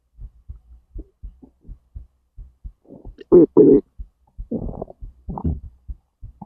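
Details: Self-recorded digestion and heartbeat, stomach to intestines: irregular low gurgles and rumbles with a few louder squelching bursts. Ordinary bowel sounds (borborygmi).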